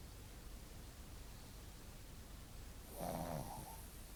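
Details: A sleeping dog, her mouth moving, gives one short, buzzy snore after a few seconds of quiet, low room noise: snoring.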